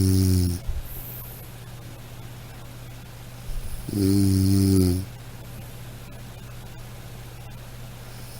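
Deep, buzzing snores on inhaling, separated by several seconds of quieter breathing, over steady room hum; ordinary snoring.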